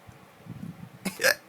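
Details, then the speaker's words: A single sharp, abrupt hiccup after quiet murmuring, from a person who says he can't stop hiccuping after heavy drinking on a night out; hiccups. "Yeah. I can't stop hiccuping. How do you spell hic?"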